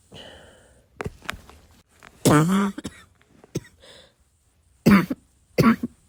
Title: this cough kept me awake last night